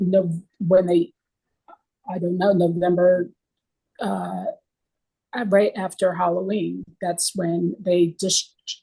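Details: Aphasia caused by stroke, in a 24-year stroke survivor; real speech.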